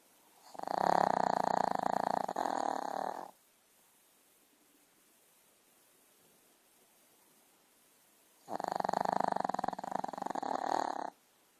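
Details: Puppy snoring while asleep on a Sunday morning: two long, loud rattling snores on the in-breath, about five seconds apart, with quiet between.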